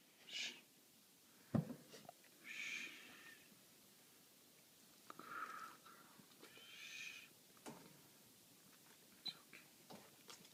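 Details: A dog gives four soft, wheezy, high-pitched coughing bursts spaced a few seconds apart in a quiet room; dog cough.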